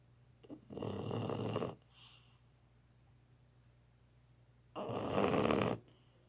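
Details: Molly snoring in sleep: two loud, rough, rattling snores about four seconds apart, separated by quiet breathing.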